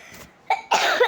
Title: srry about the coughing